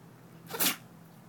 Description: Dog can sneeze on command